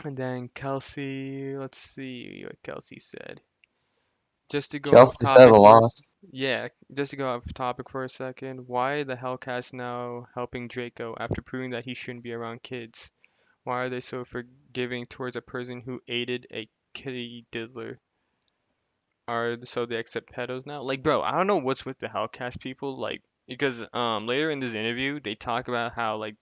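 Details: Adult male speaker; typical speech.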